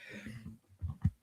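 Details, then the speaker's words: Faint, low rumbling snores from a sleeping spaniel dog in the background of a quiet indoor room. "you can hear that snoring in the background, that's Monty. It's one of my one of my spananiels having a bit of a having a few zeds."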